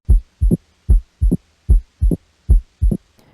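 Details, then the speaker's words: Normal heart sounds in an adult male patient via stethoscope diaphragm over the valve areas (mitral, tricuspid, pulmonic, aortic): regular S1 and S2 at about 75/min, no murmur, opening snap, click or friction rub. "Oke dengan menggunakan stetoskop dengarkan regularitas bunyinya tuh 1 dan 2 serta apakah ditemukan bising atau bunyi tambahan seperti opening snap"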